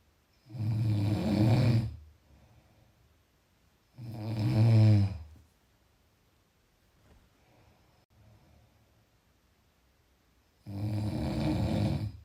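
Deep, rattling snores on each breath in, about 18 breaths a minute, with quiet breathing out between; ordinary snoring during sleep.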